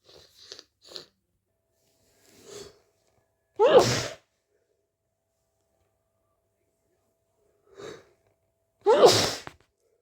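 Sniffs and catching in-breaths, then two loud explosive sneezes; sneezing with a stuffy, congested cold.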